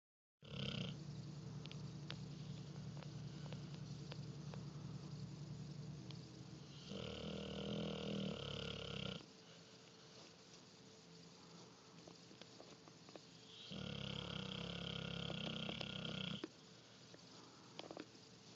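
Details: Sleeping Neapolitan Mastiff snoring: loud rumbling snores in long drawn breaths with quieter stretches between.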